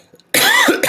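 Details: Harsh adult cough with a rough voiced tail after a brief quiet lead-in, from a man who is sick, voice going, needing to take his medicine after days in bed.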